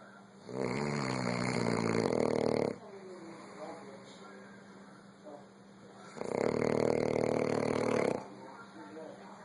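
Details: Very tired elderly grandfather snoring: two loud, rough, buzzing snores, each about two seconds long and roughly six seconds apart, with quieter breathing between.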